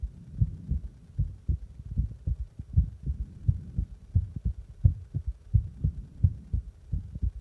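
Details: Own heartbeat recorded after pressing on the chest: steady, low thumping at about 85 beats a minute, faintly muffled against the chest.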